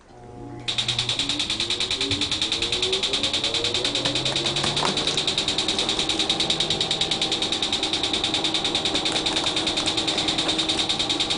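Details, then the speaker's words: YAG tattoo-removal laser on a woman's fourth treatment of a faded blue flower-over-sun tattoo: machine hum starts, then steady rapid clicking at about 146 a minute. "here are your safety goggles and I'm going to turn on the laser it will take approximately 8 seconds and then you'll hear a clicking sound"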